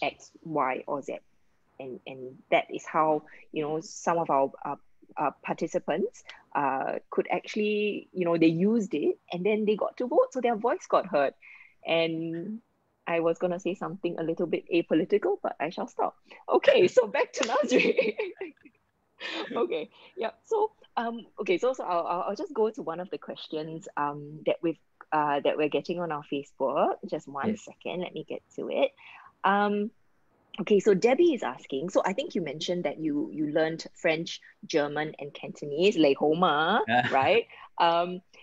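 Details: Adult woman speaking, possibly over a call; ordinary speech.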